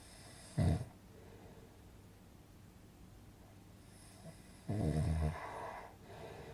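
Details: Relaxing snoring sound effect for sleeping: two low, rattling snore bursts with a long quiet gap between them, over faint room hiss.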